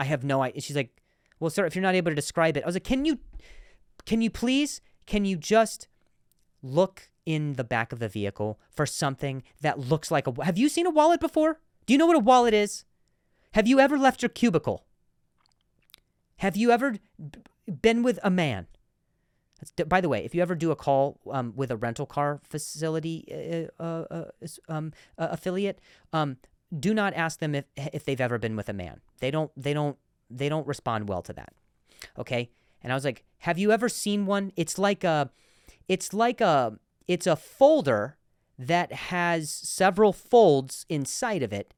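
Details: Male comedian hosting a podcast; repeated words; stuttering.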